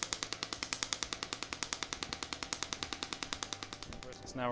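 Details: Rapid regular clacking pulses at three to four per second: a radial shockwave device treating the sole of the foot of a female dancer with over ten years of plantar fasciitis heel pain.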